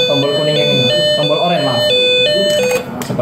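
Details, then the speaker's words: Repeating two-pitch electronic tone from a BeXen Reanibex 700 defibrillator after pressing charge, in a training simulation with ventricular fibrillation rhythm selected; signals charged and ready to push to shock. "Kemudian kita pencet tombol charge sampai bunyi seperti itu dan kita tunggu sampai ada push to shock dan pencet ataupun tekan bersama-sama"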